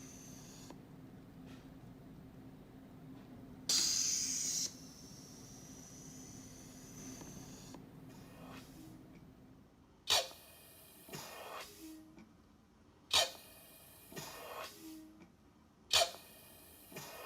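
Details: Emergency ventilator (Eurus) cycling: a blood-pressure-cuff-actuated automation device squeezes a manual resuscitator, built for the COVID-19 ventilator shortage. Sharp air bursts then hissing airflow about every three seconds as the cuff inflates and vents.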